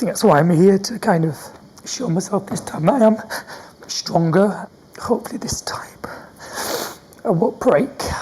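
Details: Stuttering in an adult man with a stammer.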